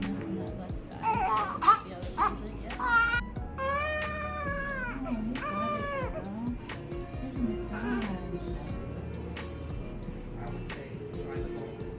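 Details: Five-day-old newborn girl crying in several short wails during a chiropractic adjustment, over background music and adult talk. Her left hip was found rotated. Ordinary infant cry.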